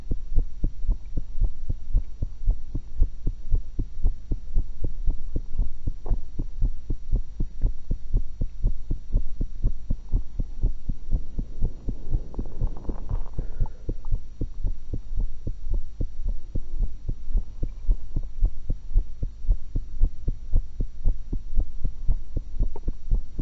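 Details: Steady, regular normal heart sounds recorded through a single stethoscope while the person was eating, after an apple and a cucumber, over a constant low background hum.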